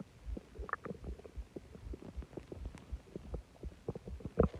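Loud, low gurgling and groaning bowel sounds in irregular bursts; stomach growling after a large meal and soda.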